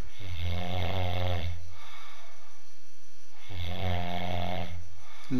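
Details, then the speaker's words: A sleeping male, with the mic held close to his nose, snores heavily: two loud, deep, rattling snores on the in-breath with quiet pauses between. "खराटे है की karate अन believe बल motoring times now व take the mic close to हि knows नाक के पास लेके जा हम सुनेंगे उसके खतरनाक खराटे"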